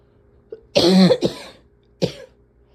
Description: so. much. coughing. can hardly take a breath without coughing for 5 minutes afterwards.